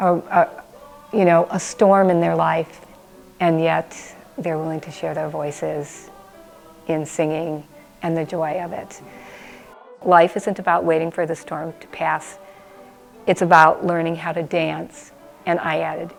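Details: Adult woman speaking; Normal speech.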